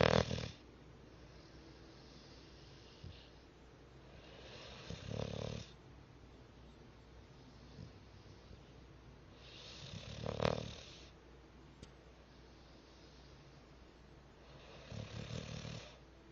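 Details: Cat snoring loudly: slow, regular rumbling snores on each breath, about four in sixteen seconds, roughly fifteen breaths a minute.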